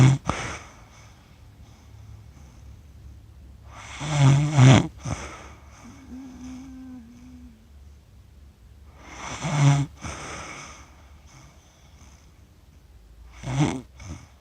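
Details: Accidental 47-minute recording of a person asleep, who describes their own snoring as funny: harsh, fluttering snores every four to five seconds, with a brief humming, whistly tone between breaths.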